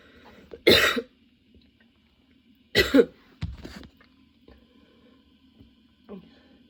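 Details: Sudden-onset, nonstop coughing fit that kept worsening, bringing tears and frequent position changes: several harsh, forceful cough bursts with pauses between them.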